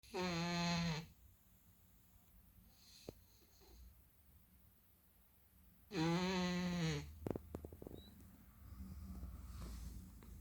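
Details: Sleeping cat gives two drawn-out, whistling, buzzy snores about five seconds apart, with small clicks and rustles between; snoring in sleep.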